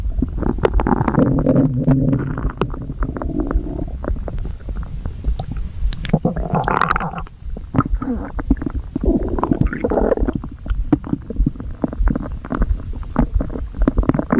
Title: The gotcha stomach growl compilation + stomach growl videos